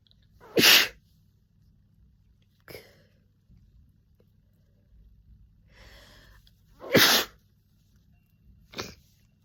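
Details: Person with a summer cold sneezing nonstop, messy rapid violent sneezes: four in quick succession, two forceful and two smaller, with sniffing between them; a few snotty nose blows.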